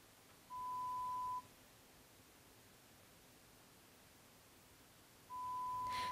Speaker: The procedure for establishing an audiogram from an adult client begins with air conduction testing using pure tone stimuli Headphones, or these insert earphones, are used to deliver the stimuli to the client's ears one at a time The client responds to the sounds they hear usually by pushing a response button